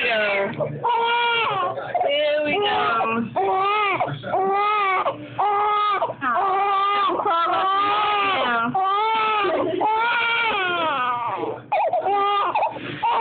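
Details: Infant girl (Lynnae) during tummy time, disliking it: repeated rhythmic wailing cries with short gasping breaths between, an adult speaking softly; infant crying.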